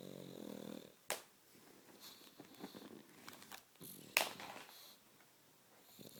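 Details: Dog snoring while asleep: a short rattling snore, then quieter snuffling breaths with room noises.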